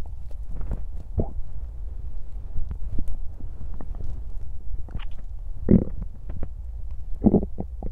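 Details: Woman's belly during digestion after eating: low steady rumbling with scattered gurgles and squelches; ordinary digestive bowel sounds.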